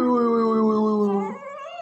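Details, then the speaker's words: Hungry newborn baby girl about to be fed by a nurse. A single sustained, high, tonal wail that slides slightly downward and fades. Newborn cry. "don't cry don't cry baby I am here for your help my love"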